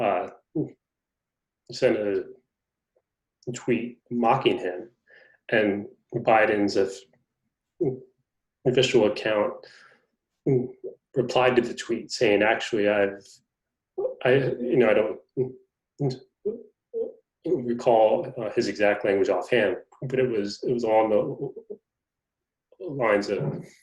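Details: Adult man who stutters, in a conversation about his life as a person who stutters. Finding: stuttering.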